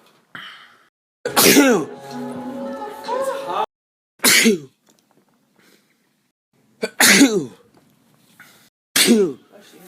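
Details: Four sharp, explosive sneezes with a brief vocal sound between the first two, separated by quiet pauses; repeated sneezing.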